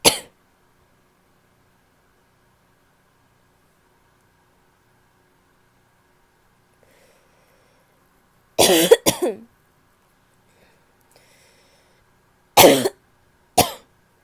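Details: Female with an annoying barky cough: harsh, abrupt coughs in paired bursts with long quiet gaps.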